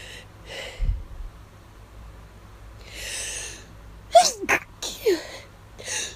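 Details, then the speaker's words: Person with an itchy nose for hours, sneezes induced: breathy inhalations, then a run of stifled, muffled sneezes with soft groans; suppressed allergy sneezing. "Yeah. These are getting hard to stifle. Ugh."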